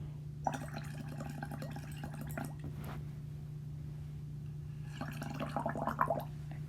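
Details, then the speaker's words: Fine inspiratory crackles: two bursts of fine crackling, bubbly popping with breaths over a steady low hum, likened to the bubbling of a hookah, presented in a lecture on neonatal respiratory distress syndrome. "the sound when you inspire and inhale and suck in this hookah or this disgusting unhealthy stuff looks like crackles or sound likes crackles like this here are some crackles"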